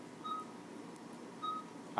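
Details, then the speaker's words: Two short, soft electronic chirps about a second apart from an anaesthesia machine monitor, demonstrated during a machine check as an alarm tone. "and then there's a certain alarm a sound for your blood pressure I call it the doorbell when the doorbell rings then you should be turning to see what the blood pressure ISS"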